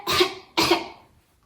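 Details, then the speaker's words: Adult coughing loudly on purpose to demonstrate that a cough produces sound in a grade-1 science lesson: two loud, sharp cough bursts with no sign of illness; voluntary cough. "What if I were to cough really loudly?"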